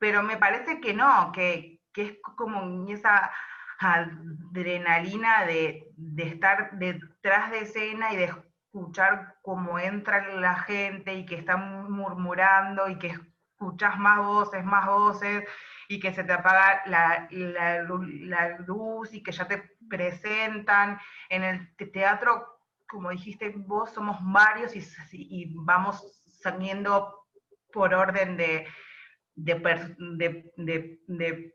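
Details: Adult woman who stutters and performs stand-up comedy: stuttering.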